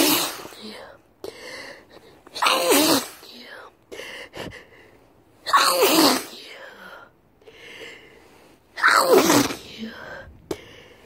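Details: A person who is sick and sniffed some powder, sneezing: three forceful sneezes, each preceded by a sharp in-breath, with sniffling and gasping in between.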